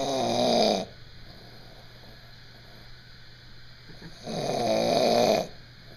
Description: Load Snoring in Army Barracks